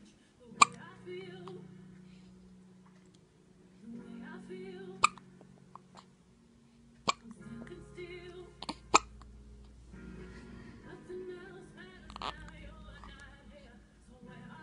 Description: My little girl with the hiccups